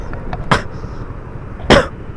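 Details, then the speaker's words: Adult man coughs two short, sharp coughs while riding a motorcycle in traffic, over steady road and engine noise, then apologizes for coughing. "Aduh, maaf ya. Lagi batuk, oi."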